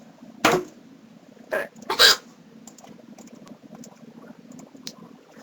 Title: The Most Fericious Case Of Hiccups I've Ever Had!!!!